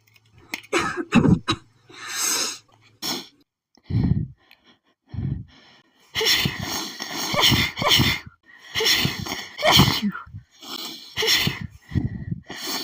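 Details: Rapid, hitchy sneezing fit triggered by perfume in a woman recently sneezing at nearly every scent: quick gasping inhalations and hissy, sharp sneezes following one another.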